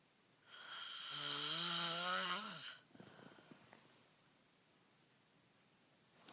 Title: Snoring revenge